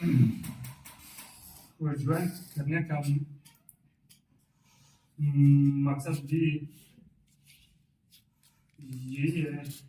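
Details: Adult male with a fairly significant stammer on arrival at a stuttering seminar, now speaking with the fluency-shaping techniques he learned; the trainer judges about 90% effective speech today. Stuttering with fluency-shaping technique.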